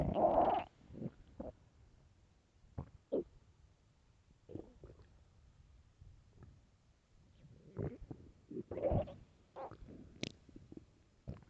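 Scattered soft gurgles and brief rumbles, with a louder growl at the start: hunger-related stomach growling, a normal bowel sound.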